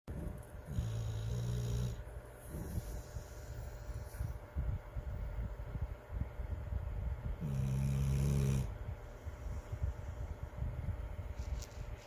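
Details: Sleeping dog: low rumbling snores, two clear long snore breaths over steady low background rumble; snoring.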